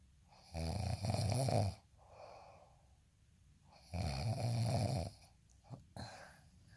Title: snoring asmr sound 142